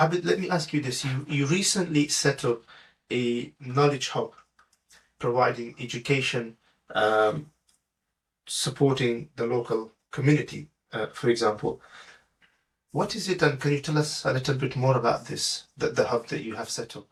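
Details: Adult man speaking, interviewer; normal conversational speech.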